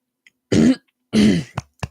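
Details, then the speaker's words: Person with ongoing hiccups clearing their throat during a conversation: two forceful rasping throat clears followed by two short clicks in a quiet room. "I got it out. I had to clear my throat. That was most important."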